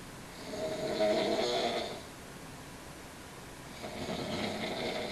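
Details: Two rough, rattling snores on inhaling, each about one and a half seconds long, separated by quiet breathing, from a sleeping person: snoring.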